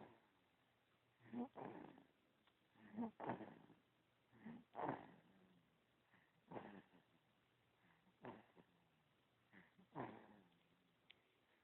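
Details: Soft, rough, fluttering snores in an uneven rhythm, roughly three dozen a minute, from a sleeping pet named Lil Sammy: snoring.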